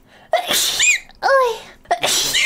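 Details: A vtuber streamer with an orca persona sneezing: a sharp, explosive blast of air followed by two more bursts with squeaky tonal calls.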